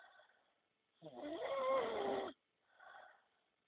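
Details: Adult snoring after a long night of drinking alcohol: one loud, rattling snore on the in-breath, with softer breathing sounds before and after it.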